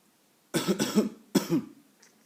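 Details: Adult coughing in a quiet room, two bursts, a double cough then a single one, while a pet cat that dislikes coughing reacts.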